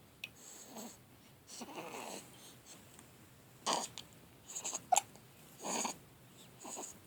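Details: Two-week-old newborn with hiccups: several short, abrupt squeaky bursts at irregular intervals between soft breathing and grunting noises.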